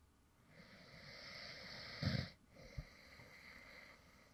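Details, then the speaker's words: Man who fell asleep while recording: a soft breath with one brief low snort in the middle, then a quieter breath; light snoring in sleep. "deo, and this is actually some light snoring sounds from me when I actually fell asleep in the middle of recording a previous video."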